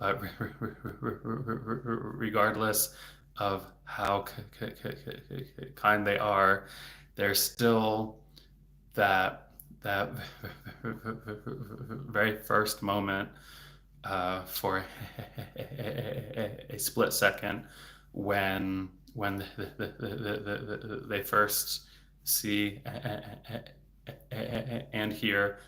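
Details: Stuttering in an adult male speech-language pathologist who stutters, speaking spontaneously in a livestream, with word and part-word repetitions.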